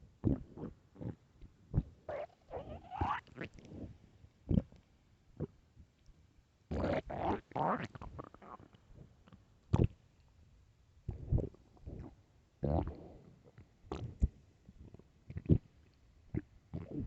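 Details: Loud hunger stomach growling (borborygmi): irregular gurgles, squeaks and rumbling growls from the belly, a normal gut sound.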